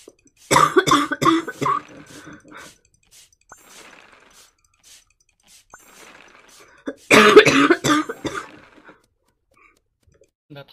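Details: Girl coughing: two bouts of several quick, harsh coughs with quieter breaths and throat noises between them.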